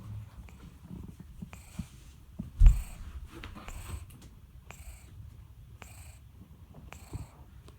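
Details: Soft, rhythmic snoring with a breathy rasp on each breath, roughly 50 breaths a minute, from Tin Tin, a sleeping cat: cat snoring.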